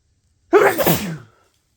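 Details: Single loud, explosive sneeze with a sharp burst that trails off quickly, after black pepper exposure.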